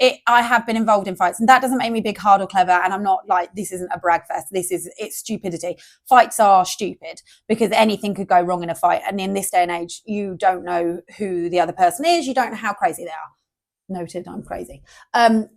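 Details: Adult woman speaking; no speech disorder.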